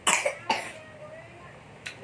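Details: Young child coughing: two quick harsh coughs in a row, then a softer third cough after a pause.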